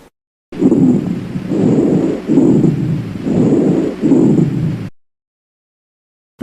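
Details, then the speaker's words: Rhonchi: loud, continuous, coarse, low-pitched gurgling breath sounds in repeated cycles, heard best on inspiration, changing with cough, arising from trachea and bronchi. "gorgoteo sonidos fuertes continuos ásperos roncos y graves se escuchan mejor en la inspiración y se modifican con la tos se localizan en la tráquea bronquios y en la mayoría de la región pulmonar"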